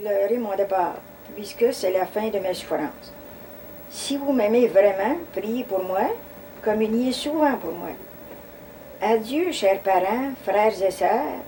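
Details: Adult woman speaking French; ordinary speech.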